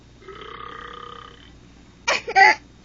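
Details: Burping on request: a soft voiced tone, then two loud, deep belches in quick succession, which a girl finds funny; ordinary burping.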